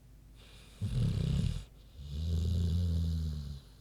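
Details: Deep rumbling in-breath snore then a long grunting, vibrating out-breath from Queenie, a big pig, sleeping; snoring.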